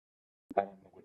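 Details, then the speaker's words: Single sharp voiced sneeze from an adult after a quick catch of breath, fading away, in the middle of talking during a podcast recording. "Yeah, just had to sneeze in the middle of talking. You didn't need to hear that."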